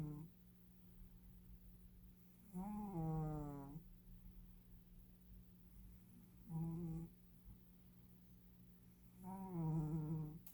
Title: Abby cat snoring